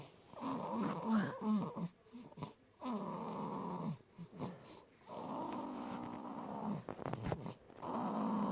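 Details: Baby girl, one of twins, snoring loudly like her father: repeated loud rattling snores, each a second or more, separated by brief snorts and gasps; snoring.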